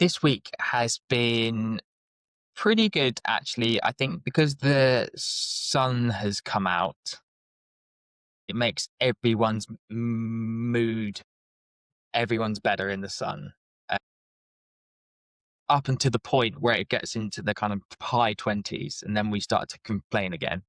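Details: Adult man with lifelong stuttering (speech stammer all his life); stuttering.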